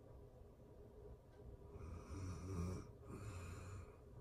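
Low, rumbling snores on slow breaths, with a soft hiss between them; steady room hum behind.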